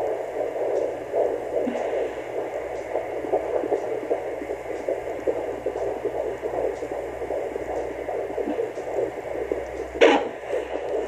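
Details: Fetal heartbeat on Doppler at 15 weeks 5 days of pregnancy: rapid, regular galloping whoosh, much faster than an adult pulse.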